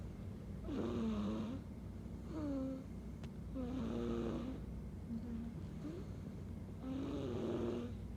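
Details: Sleeping person: slow, rumbling snores with a fluttering, voiced quality, about one every three seconds, over steady low room hum; ordinary snoring.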